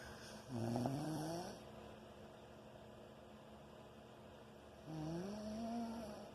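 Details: Snoring during sleep: two drawn-out, tonal, whistling snores with rising pitch over steady room hum; loud enough to keep others awake.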